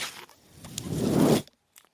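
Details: The speaker's own mechanical ventilator, heard while he talks: a rough, rising rush of air builds for about a second, then cuts off sharply as the ventilator delivers a breath.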